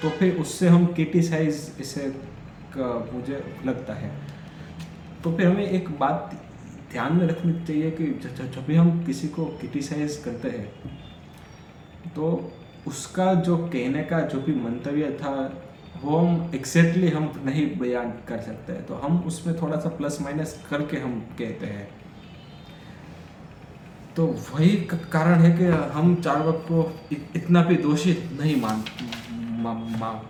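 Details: Stammering in an adult male during Day 4 of his daily speech practice, speaking Hindi; he says he stuttered more during this section.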